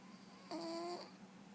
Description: Sanctuaried Rescue Cat Snoring